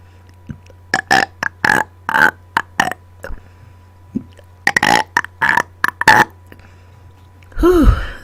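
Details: Deliberate burping after dinner, recorded close to a microphone: about a dozen short, loud, voiced burps in quick succession with a steady background hum; repeated belching on command.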